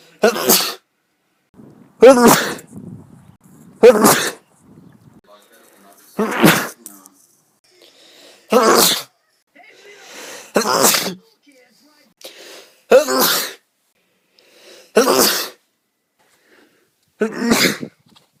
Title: me sneezing compilation #2